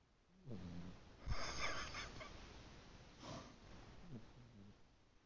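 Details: Pet named Shostakovich snoring while asleep on grandmother's lap: soft nasal snoring with wheezy, whistling breath noises over low room noise.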